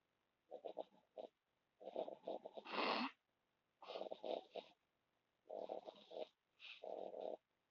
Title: Need to turn up valume to hear Kayla the doggy snoring